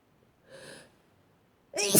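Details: One person's own sneezing: a sharp in-breath, then a forceful sneeze burst.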